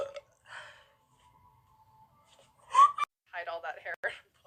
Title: Thighsquish Black Dress vs Pyjamas Burps